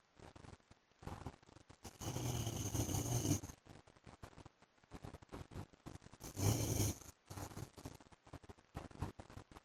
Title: PART 2 FOR SLEEPING WITH MY HUSBAND'S SNORING SOUND